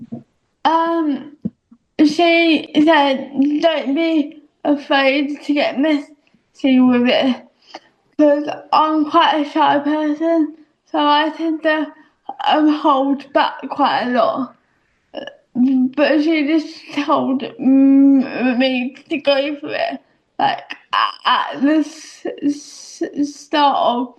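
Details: Young adult female speaker; dysarthria (cerebral palsy).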